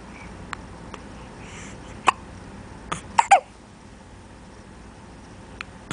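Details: Newborn, 8 days old, with repeated short, abrupt hiccup clicks at irregular intervals and a brief cluster near the middle; hiccups.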